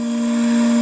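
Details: Portable suction machine switched on for a function check, manometer showing no pressure because of a leak at an uncapped port: steady, even motor hum with no suction generated.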